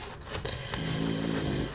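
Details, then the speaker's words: Soft, low rumbling snore with a steady buzzing note on the breath, over quiet room noise, from a sleeping female dog described as very tired; ordinary snoring. "Si vous entendez ronfler, c'est la boubou, hein, comme d'habitude. Elle est très fatiguée, cette chienne."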